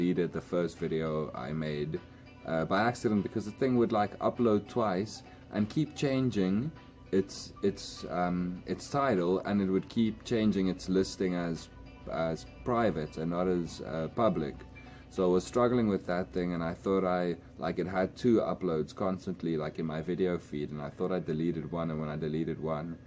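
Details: Adult man speaking English as a second language who says he stutters a lot, also in his home language, and uses filler sounds to cover blocks; word repetitions are heard; stuttering.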